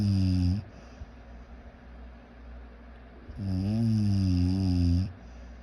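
Two loud, rumbling snores on breathing in, separated by a quieter breath out, about three seconds apart.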